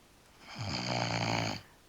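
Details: A person asleep, possibly passed out at the keyboard or on the couch, snores in the background of a quiet room; a single low, buzzing, droning breath.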